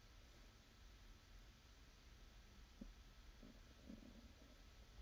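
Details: Adult woman's hungry stomach, low gurgles, growls and rumbling over a steady hiss; normal hunger borborygmi of stomach and bowel.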